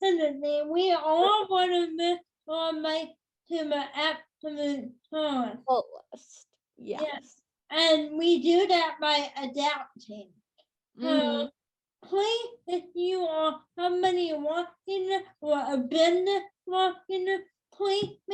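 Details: Female speaker with cerebral palsy since birth that has become tighter with age; she says listeners may need her to repeat or type; dysarthria (cerebral palsy).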